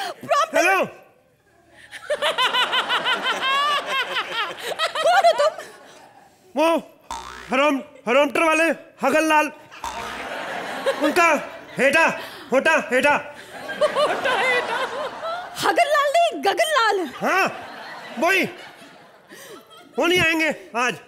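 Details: Acted comic stammer by a male comedian in character, swapping initial consonants of words; stammering (acted, initial consonant substitution).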